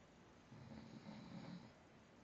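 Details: Snoring: a single low, rattling breath lasting about a second, a typical snore.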